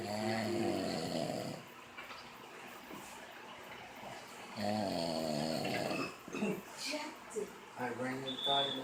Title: Snoring in his sleep